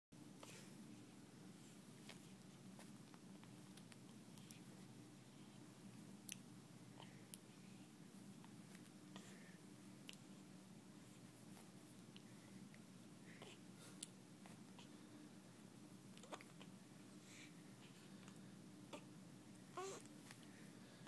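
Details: Infant's first hiccups: soft, brief clicking gulps every few seconds over a steady room hum.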